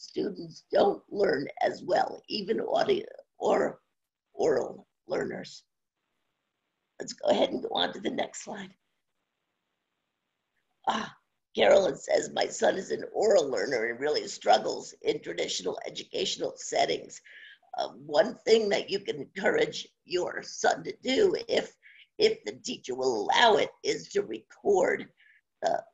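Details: Adult woman with spasmodic dysphonia, no cure, onset around 2010 and progressively worsening; awaiting a postponed Botox injection; scratchy voice; spasmodic dysphonia.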